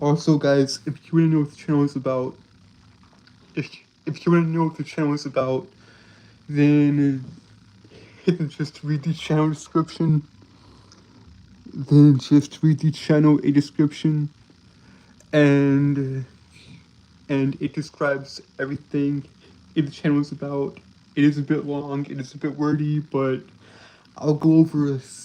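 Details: Male streamer with a self-described speech impediment causing stuttering and tripping over words; repeated phrases audible.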